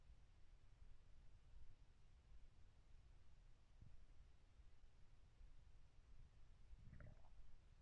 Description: This is no talking Stomach Growling Sounds ASMR video.